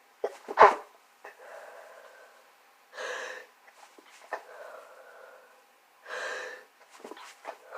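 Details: Someone with a progressing head cold (sore nose and throat, little coughing) gives one sharp sneeze, then sniffs and nose-blowing breaths.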